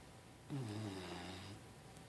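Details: A Labrador puppy named Hank snores during his mid-morning nap: one low, rumbling snore of about a second in a quiet room.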